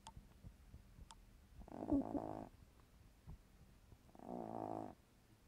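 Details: Female cat, exact age unknown but older than 15 years, snoring in sleep: two buzzing, purr-like snores about three seconds apart with faint clicks between them.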